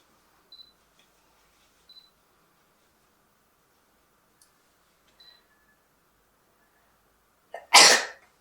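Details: One sharp sneeze with a short indrawn breath before it, in a quiet room with faint clicks; a sneezing sample recorded with the model's permission.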